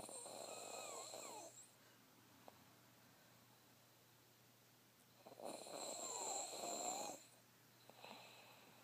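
Quiet, whistling, rasping snores separated by long silent pauses, with a faint steady hum in the room.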